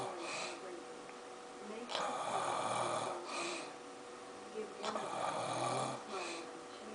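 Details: Loud, harsh, rattling snores repeating with each breath over faint room noise, from a sleeping father; both people asleep: snoring.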